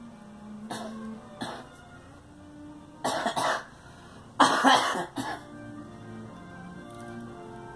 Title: Girl coughing